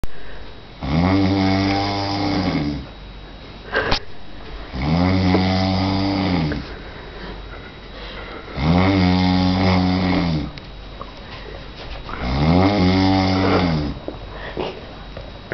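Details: Male sleeping on a trip to Germany; four very loud, rattling breaths at a steady pace, about 16 a minute, with quieter breaths between: regular snoring.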